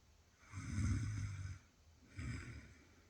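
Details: Snoring during sleep, from a sleeper who denies snoring despite being recorded: two deep, rumbling snores on breaths in, with a soft hiss between them.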